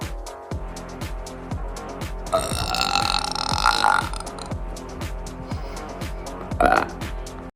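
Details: Burping after drinking cola: two loud, drawn-out burps, the first over a second long, over steady background music.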